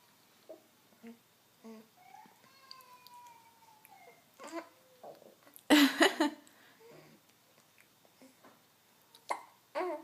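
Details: Young child babbling with brief, abrupt catches repeating between sounds and one louder burst in a quiet room; hiccups.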